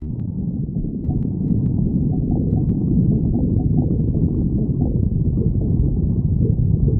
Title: stomach growling 58